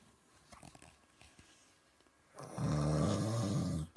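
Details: Quiet room, then one loud, low, rattling snore on the in-breath lasting over a second, loud enough to keep a listener awake; snoring.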